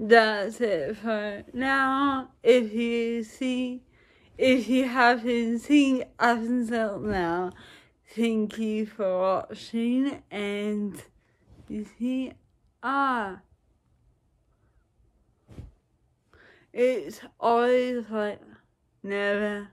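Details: Woman with dysarthria, recorded in the morning at about 9:00 before any speech practice; her speech varies with practice, energy level and mood; dysarthria.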